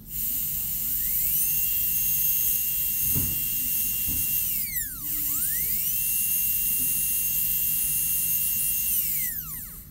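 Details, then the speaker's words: Steady high-pitched whine of a high-speed dental drill, dipping and rising as a 330 bur cuts the occlusal table of a maxillary first molar at full 1.6 mm depth during MODL amalgam cavity preparation. "I don't do the punch, but I right away go into the full depth, which this 3030 body is 1.6 mm, so I just go at the full depth, so which is safe because the depth needs to be 1.5 to 2 mm."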